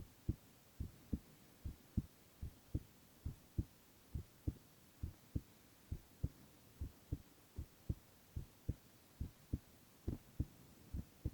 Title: 【無言/男子ASMR】ひたすら心音 Boy heart sounds